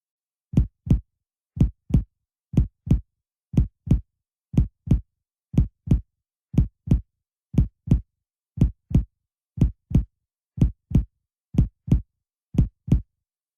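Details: Abdominal percussion across the quadrants: paired hollow, drum-like taps giving a normal tympanic note over air-filled stomach or intestines.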